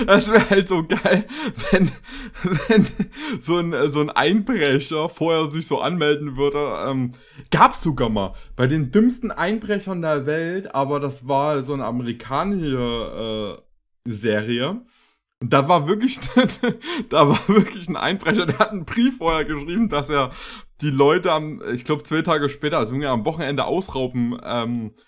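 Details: Adult man speaking German; normal speech.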